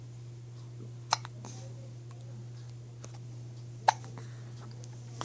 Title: gets the hiccups again